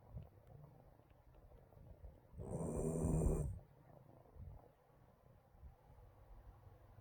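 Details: Loud, rough snorting snore lasting about a second from a sleeping Shiba Inu puppy in a quiet room, then silence; snoring.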